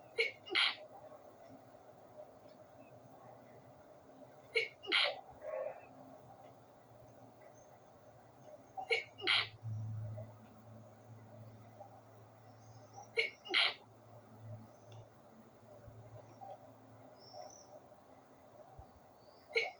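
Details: Sneezing fit after the window was left open at night: five paired sneezes every four to five seconds in a quiet room, each preceded by a quick intake of breath; more sneezes followed but were not recorded.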